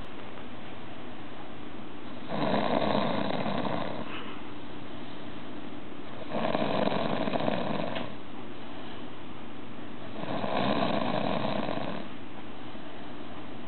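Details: Heavy chainsaw-like snoring in a man: three long, loud, harsh, buzzing snores about four seconds apart, roughly 14 breaths per minute.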